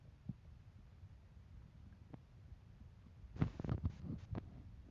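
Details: Hungry stomach rumbling: a cluster of low gurgles and pops breaking a quiet background hiss.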